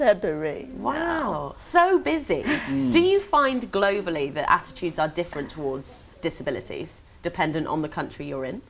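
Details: Adult woman; typical speech.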